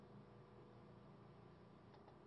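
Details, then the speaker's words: A wall suction machine, shown in a nursing tracheostomy-suctioning teaching demonstration, is set to regular continuous suction to check that it works: a steady, quiet low hum and hiss with a faint tick near the end. "so this is our suction machine we can check that it's working by putting it over to regular which is going to be continuous suction and just checking it"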